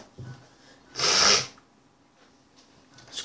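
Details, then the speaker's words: An ill person with a fever of 38.2 °C gives a single sharp, hissy sneeze burst of about half a second in a quiet small room, with faint breathing either side; sneeze. "se ogni tanto mi sentite a tossire o fare queste altre roba perché vabbè sono malato di nuovo sono con la febbre a 38 E2"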